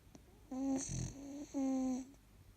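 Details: Snoring: a sleeping 4-month-old husky puppy gives two drawn-out, whistling, buzzing breaths with a softer rumble between them.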